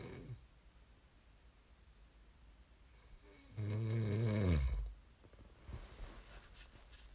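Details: ASMR snoring recording made for listening to fall asleep: one loud, low, rattling snore on an in-breath in a quiet room, then softer breathing; ordinary snoring during sleep.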